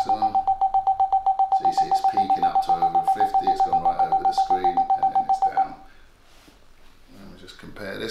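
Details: Rapid, steady beeping from an EMG biofeedback unit tracks a maximal biceps contraction held against resistance, then stops as the muscle relaxes, in an adult man whose biceps problem is suspected to be neurological; the two arms are compared.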